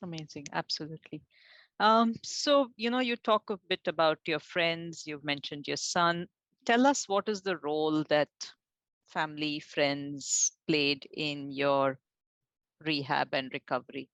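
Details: Adult woman, interviewer; normal speech.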